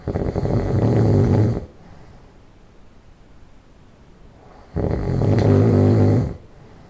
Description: I just fell asleep and started to snore